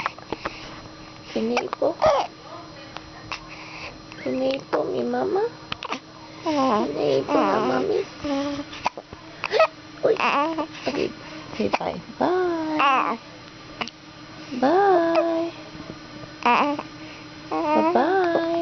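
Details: Young child's fussy vocal sounds with repeated short, abrupt catches between them, fitting hiccups.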